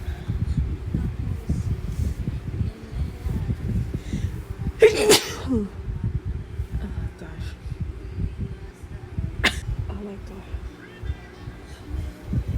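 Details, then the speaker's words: Adult deliberately induced sneezing after trial and error: loud sneezes with sharp explosive bursts, followed by breathing and background noise. "Oh my goodness, I have to sneeze. Okay. Very intense."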